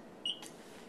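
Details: Single short high electronic beep from a keypress while programming a secondary IV piggyback on a primary IV infusion pump; a routine device sound.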